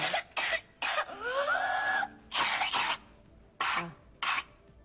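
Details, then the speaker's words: Whooping cough (pertussis) paroxysm: a run of five or six rapid, normal-sounding coughs followed by a high-pitched crowing intake of breath (whoop). "fijaos que que lo llamativo no es tanto la tos que suena más o menos normal como que hay cinco o seis toses muy seguida y el ruidito digamos ese gallo que se llama que se describe Así que es de la respiración"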